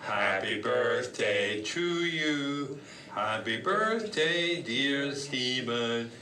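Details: Male patient with left frontal infarct and very pronounced nonfluent Broca's aphasia, comprehension intact; heard singing over-learned Happy Birthday before trying to speak the words; Broca's aphasia with preserved singing.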